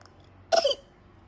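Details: One-year-old girl, sick with a cough that keeps her from sleeping: a single short, wet-sounding cough; cough.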